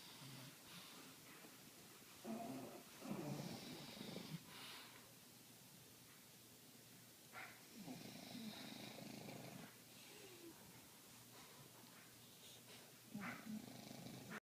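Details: Two sleeping English bulldogs snoring very loudly: loud, rough snoring with noisy breaths rising and falling in overlapping cycles.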